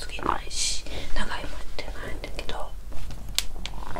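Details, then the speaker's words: Woman during a 7-day fast: soft, irregular gurgles and squelching bursts over a low rumble, recorded close to the abdomen. Ordinary bowel sounds from gut movement. ""วันนี้จะมีเสียงPop-chapo""ในท้องของฉันเขย่า♪เขย่า♪""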